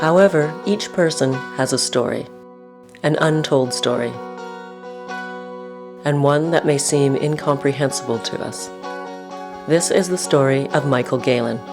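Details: Adult male narrator; ordinary speech.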